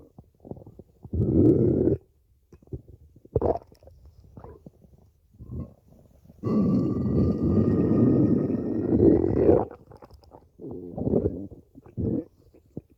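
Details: Stomach growling (borborygmi): low gurgling rumbles and a long squeaky growl from the belly, from a recording of over five minutes of stomach growling.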